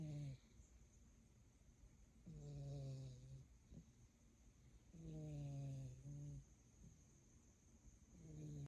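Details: Pet snoring away: slow, regular droning snores with each in-breath, about 22 breaths a minute, over a faint steady hum.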